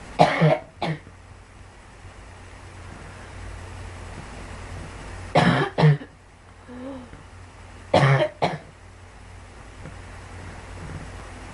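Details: Girl gives three pairs of short, harsh coughs spaced a few seconds apart over quiet room hum; a child's cough.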